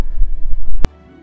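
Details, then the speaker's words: Heart sounds through a homemade electronic stethoscope built for remote coronavirus video triage and streamed over chat apps: muffled low thumps ending in a sharp click. "as you can hear the sound quality is excellent hearing heart sounds and then breath sounds coming up now and you can listen to this over any chat program such as FaceTime Skype or duo"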